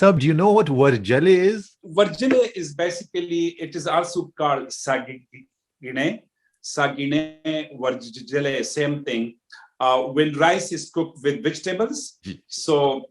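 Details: Adult man with stuttering since childhood, worse when nervous, varying from day to day between heavy stuttering and fluency.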